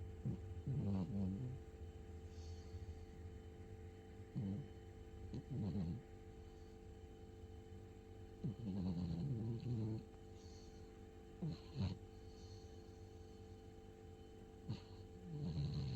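Irregular low rumbling snores from a sleeping cat, several bursts over a steady background hum; ordinary harmless snoring.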